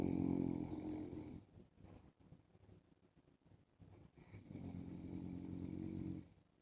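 Two long, buzzing, droning snores with a quiet breath out between them; ordinary snoring.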